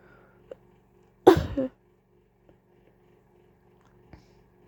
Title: coughing